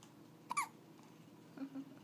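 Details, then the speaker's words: Two brief, sharp hiccups from a baby girl's first hiccups in a quiet room; ordinary infant hiccups. "Oh, I thought they were gone. I thought she was falling asleep. She looks like they wake her up."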